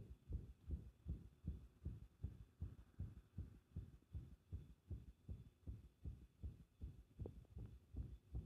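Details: Fast, muffled heartbeat around 158 a minute with slightly uneven spacing and varying strength, recorded with pressure applied; an irregular rhythm (arrhythmia).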